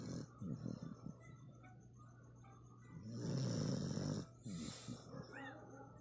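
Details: Sleeping female Aspin (Philippine native dog): loud, rough, fluttering snores on the breaths with soft room hum; ordinary snoring.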